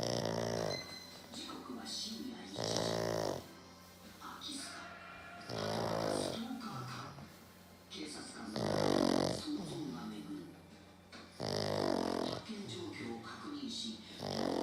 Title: イビキをかいて寝そうな黒パグ!!A black pug that looks like it's going to sleep while snoring!